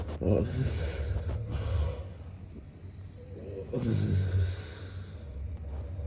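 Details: Sound-effect recording of a man snoring during sleep: low rumbling, snorting breaths with a muffled roar underneath; snoring.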